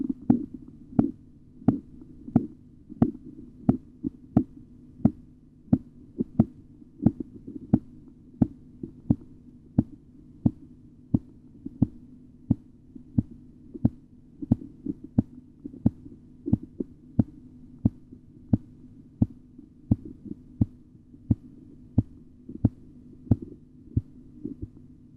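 Regular sharp tapping beats at about 90 a minute over a low steady hum, the Korotkoff sounds of blood pressure measurement.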